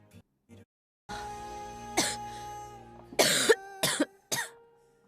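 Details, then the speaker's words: Adult woman with a cold whose cough has worsened, coughing during a live stream; several harsh, explosive coughs over quiet background music. "아 죄송합니다 아 죄송합니다 기침이 심해져 가지고"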